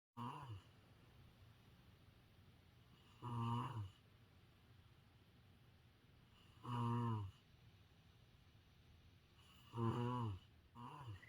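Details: Ordinary snoring, low rumbling snores on each in-breath about 19 per minute in a quiet room, used to illustrate the English word "snore."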